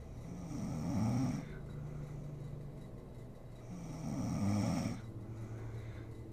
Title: SNORING MOM SLEEPING ASMR SERIES